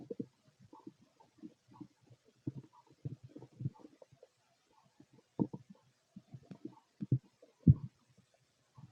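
Irregular low gurgles and rumbles from an adult abdomen: ordinary bowel sounds of digestion.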